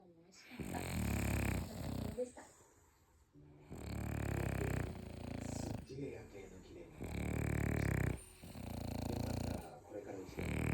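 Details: Chorus of snores from sleeping French bulldog brothers: loud, rattling low snores overlapping in long rumbling waves of about two seconds each.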